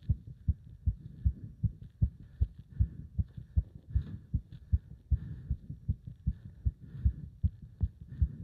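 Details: Heart sounds recorded during leg-wrench exercise, pounding felt even up to the subclavian artery: fast, strong, regular beats at roughly 140–150 per minute; rapid heartbeat during exercise.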